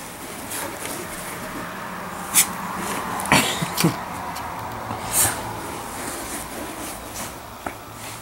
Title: Dog Rolls Around In A Sneezing Fit